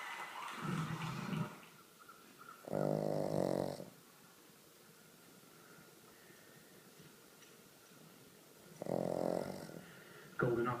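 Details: Snoring loudly in sleep: deep rattling snores in slow cycles with quiet pauses between breaths.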